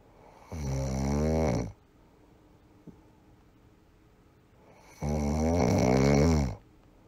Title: Snoring Sound Effect - Free Download.